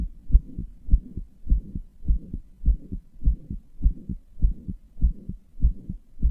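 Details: Heartbeat from a person self-reporting a murmuring, palpitating weak heart: a regular muffled lub-dub about 100 per minute with a soft hum between beats, with no clear murmur standing out.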